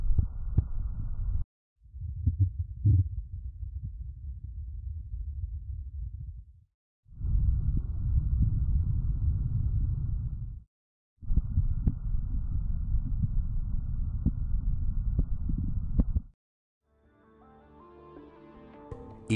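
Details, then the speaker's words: Simulated bowel sounds from the HAL patient simulator manikin, heard across all four abdominal quadrants, with adjustable audio level: normal bowel sounds. "Hal has multiple bowel sounds on the 4 quadrants of his lower torso."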